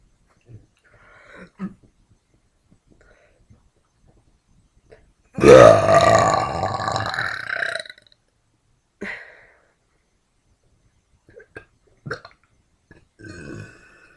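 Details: A woman gives one long, loud belch lasting about two seconds, with quiet mouth sounds and small swallowing noises before and after; burping.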